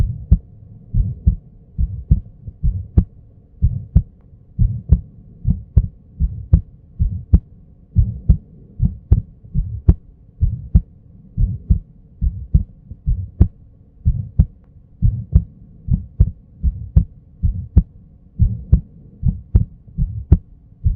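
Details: Auscultation of pathological heart findings with clear heart murmurs; visible pulsation in the neck is also noted.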